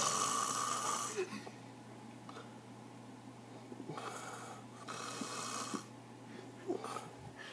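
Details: Man snoring: soft, rough snoring breaths over steady room hum in a quiet room; ordinary snoring.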